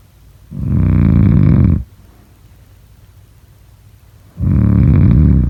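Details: Loud, deep, rattling snores on each in-breath, about every four seconds, with quiet breathing between; heavy snoring.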